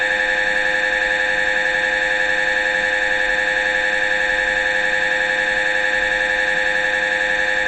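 Loud, steady, buzzing drone with a rapid regular pulsing, the typical noise of an MRI scanner during imaging.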